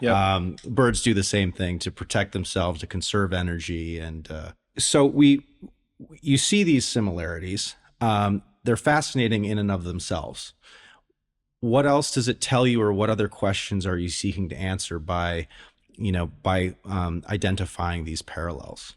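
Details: Adult male speaker; normal speech.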